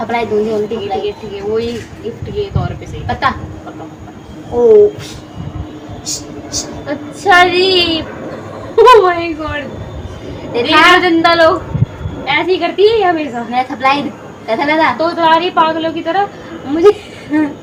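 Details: Adult speakers conversing in Hindi; ordinary speech.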